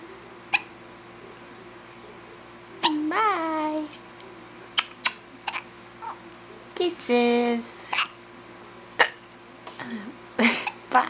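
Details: A young child and her mother both have hiccups: repeated sharp, brief hiccup clicks at irregular intervals, heard between the child's vocal sounds and voices.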